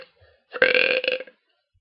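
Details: Loud voluntary burp from a girl or woman, filmed while making a burping video: one long, voiced belch under a second long that rises and then trails off. An ordinary burp.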